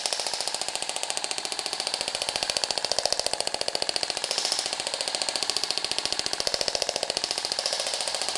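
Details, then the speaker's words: Radial shockwave therapy in an aesthetics practical class on a female patient's fibrotic cellulite area, with gel; noise may startle the patient: rapid, even train of sharp clicking pulses at about 15 a second. "e para que ele não se assuste ele pode sentir né algum desconforto até por causa do barulho também"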